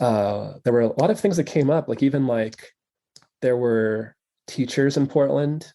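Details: Adult male who has stuttered since childhood and now stutters openly, real not acted; stuttering.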